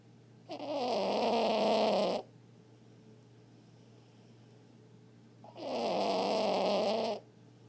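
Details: Small male chihuahua-mix dog, a recently adopted former stray, asleep: two long, loud, rattling snores about five seconds apart with quiet pauses between them; snoring.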